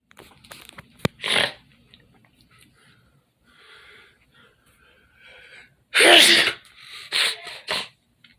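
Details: Several loud, explosive sneezes with sharp inhaled build-ups, separated by quiet breathing and soft nasal sounds in a small bedroom; sneezing.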